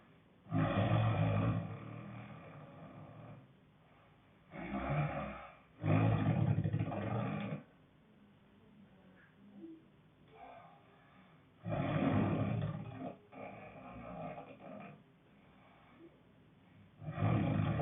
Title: Growling snoring 2